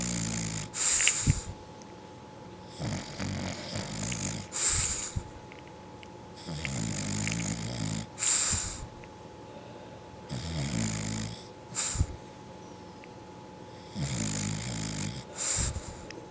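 Loud, rattling snores with whistling, hissing breaths between them, about 17 a minute with a somewhat uneven rhythm. Snoring during sleep.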